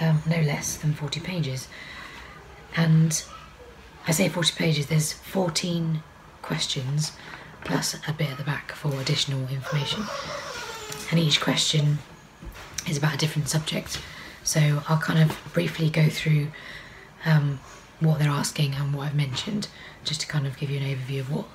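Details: Adult woman with Charcot-Marie-Tooth disease affecting her peripheral nerves, diaphragm and vocal cords; often misheard or unheard, with straining causing dry voice, strain and pain; vocal cord paralysis.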